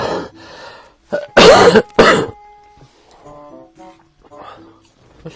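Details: Two loud, harsh coughs from an adult man who says he has had pneumonia with wheezing since yesterday, wondering if asthma or pneumonia, with soft music in the background; a cough.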